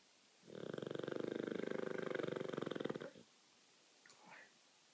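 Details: Olde English Bulldogge snoring loudly: one long buzzing, fluttering snore of about two and a half seconds, then a soft snuffle.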